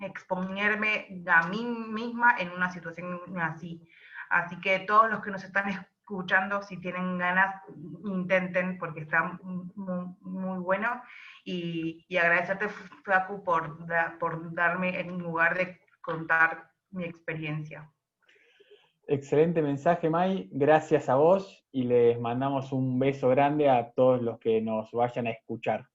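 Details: Adult woman who stutters, speaking Spanish; stuttering.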